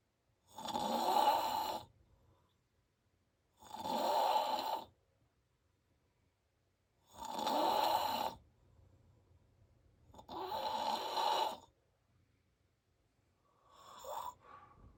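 Loud, harsh snores about every three seconds, roughly 18 a minute, separated by silent exhales; heavy snoring.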